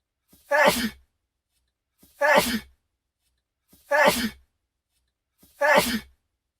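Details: Sneezing clip looped: four identical ordinary sneezes, each a short breath-in followed by a sharp burst.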